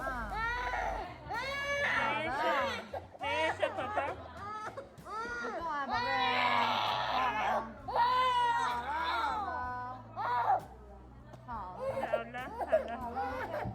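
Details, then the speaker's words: Young boy crying during a childhood vaccination at a hospital in China: loud, repeated sobbing bursts with a frightened, protesting tone. "at this point my heart breaks to watch him cry"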